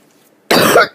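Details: An unwell person, back to bed and needing an inhaler, in an ongoing coughing fit: a single loud, harsh, noisy cough burst after near silence.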